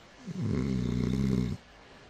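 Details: Snoring.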